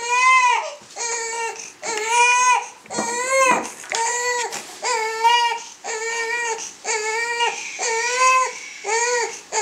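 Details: Crying from a baby girl said to have colic, shown before relief with gripe water: repeated loud, high-pitched cries in long bursts with brief gasps between, about 20 a minute.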